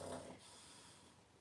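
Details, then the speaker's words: Boston terrier asleep in the background, snoring: a single short, rough, snorting breath, then quiet room noise; ordinary snoring. "that that's my dog snoring in the background another boston terrier he just likes to sleep and snore"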